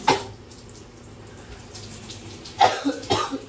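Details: Three separate coughs over running shower water, the last two close together; a coughing fit from a person with a persistent throat irritation.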